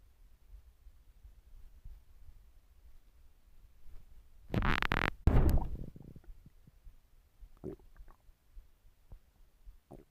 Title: My stomach growling